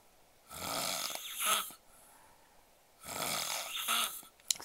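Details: Loud, harsh, rattling snoring from a sleeping adult man who had been drinking alcohol and was sleeping face-up; two long snores about three seconds apart.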